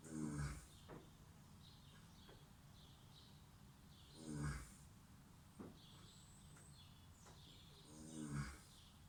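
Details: Snoring: low rumbling snores recur about every four seconds, roughly 15 a minute, with quiet room noise between.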